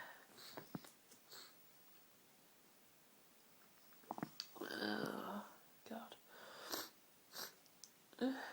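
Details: Person with a cold in one sneezing fit: several strong, tickly sneezes with sharp breaths and brief sniffs, in a small quiet room.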